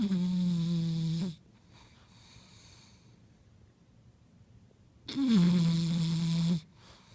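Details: Two long, loud, steady droning snores with a pause between, from a flat-faced bulldog.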